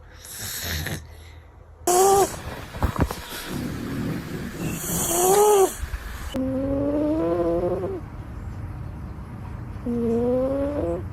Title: A cat that snores like a human #cats #cat #catslove #sleepy #sleepytime #catspa #cats #fyp